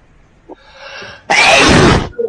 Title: Student sneezes while on online class